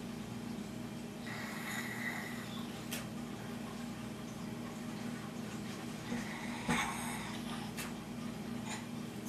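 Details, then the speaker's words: Mouth-operated NoseFrida nasal aspirator suctioning a congested baby boy's nose while his head is held: two bursts of airy suction hiss with small clicks. "I usually have my husband's Health uh he'll hold the baby's head a little bit so I get a firm suction so you really just put it up there make sure it clicks okay I know he doesn't like it and then you uh suck"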